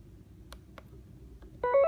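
Faint key clicks followed by short rising electronic tones from an infusion pump during operation.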